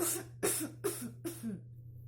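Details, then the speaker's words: Demonstration of a correct closed-mouth coughing technique: the mouth is shut and a hand presses the cheeks so they do not puff out, giving four short, muffled, gentle coughs. "закрываем рот щеки руку прижимаем к одной щеке и захватываем вторую чтобы не надувать щеки и вот таким образом закрытым ртом можно немножко покашлять"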